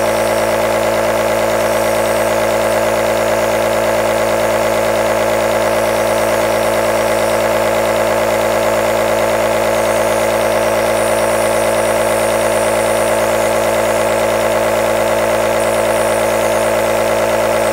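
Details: Aerosol nebulizer compressor running, long white-noise recording: loud steady motor drone with a fast regular buzz and hissing airflow.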